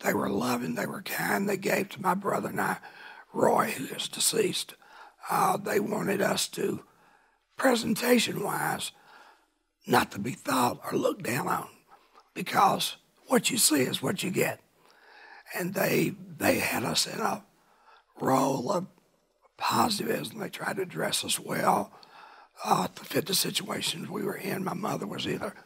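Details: Dysphonia in an adult man now cancer-free after cancer he kept secret for years and first thought was a thyroid problem.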